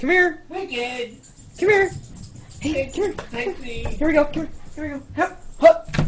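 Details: Adult speaker calling a dog indoors; ordinary speech.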